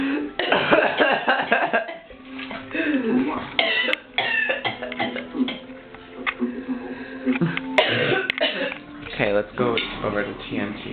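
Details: An adult woman has a coughing attack with repeated coughs and throat clearing, mixed with talk and background music.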